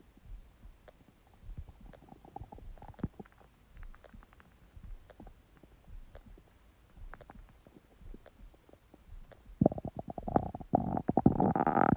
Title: Empty stomach growling sound | My Stomach Makes Noises